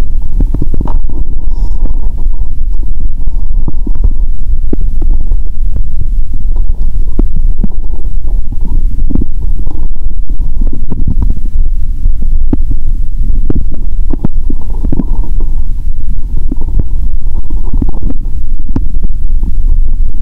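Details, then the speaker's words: Stethoscope on her own abdomen, hungry after fasting over 15 hours, with cola drinking: continuous low gurgling and rumbling with frequent brief pops and clicks; active bowel sounds. ""I'm hungry 😵". "Actually, I want to hear more hungry sounds 💦"."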